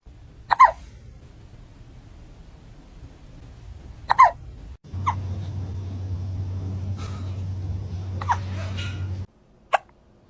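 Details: Hiccups in a small cat, possibly from eating its food too fast: about five short, sharp hiccup bursts spaced several seconds apart, with a low steady hum partway through.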